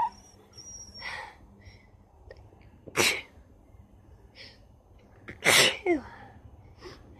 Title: Rapid Sneezes with Lots of Nose Blowing